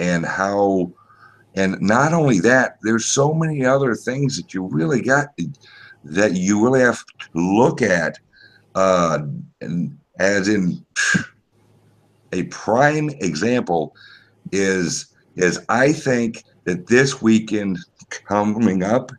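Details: Speech impediment with disfluent speech, type not named, self-reported by the man speaking.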